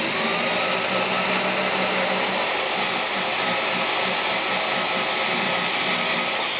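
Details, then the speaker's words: Steady high-pitched motor whine of a dental handpiece polishing a tooth after restorations, the tooth kept slightly wet by the assistant during forehanded dentistry. "Okay, that's how you would want to proceed with the polishing."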